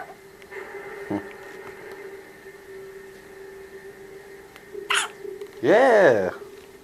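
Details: Newborn's first hiccups in postpartum room right after delivery: brief sharp catch near one second and short burst near five seconds, then thin cry-like sound over steady room hum.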